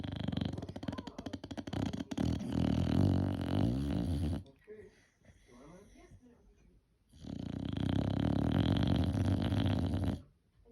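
Loud, rattling, rough snoring during sleep, with a quieter pause between two long snores.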